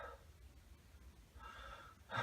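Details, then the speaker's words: Stethoscope diaphragm auscultation of the lung fields during a chest exam, patient taking deep breaths in and out: soft, unlabored breathing; normal deep breathing. "so I'm going to have you take a deep breath in and out"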